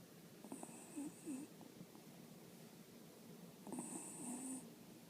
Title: Little Snores From Pixie